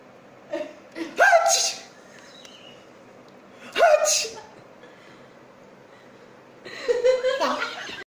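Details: Sneezes set off by poking inside the nose with a wooden crafted spectacle stand, in a staged comedy skit: two abrupt explosive bursts after quick inhales, then a softer third with laughter.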